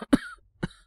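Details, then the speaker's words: Acted cough by a male voice actor playing a young man with a cold, probably from the throat, and a strong cough suppressant prescribed: two short dry coughs. "多分、喉から来てる風邪だろうって話。ちょっと強めの咳止め出してくれるって。"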